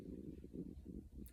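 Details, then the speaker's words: An adult's stomach growls from hunger: low, quiet, bubbling rumbles in several short surges. "hear my stomach growling i am hungry i better go get something to eat"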